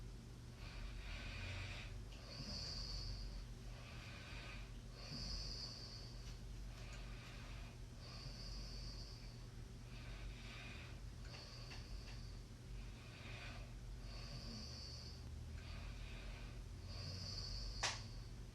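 Quiet, hissing snore-like breaths with soft snorts, roughly 25 a minute, over steady room hum.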